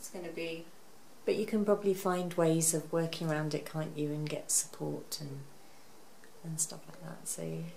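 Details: Adult; typical speech.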